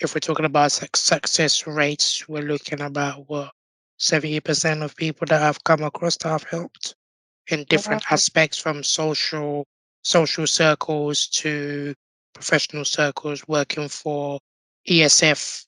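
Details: Tracheostomy voice in an adult man born six months premature with undeveloped airways. He had emergency surgery at birth, spent two years in an incubator and has lived with a tracheostomy; prematurity heavily impacted his vocal cords.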